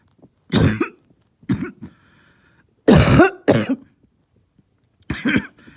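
Five harsh, hoarse cough bursts in quick pairs with quiet between: a barking cough, typical of upper airway swelling.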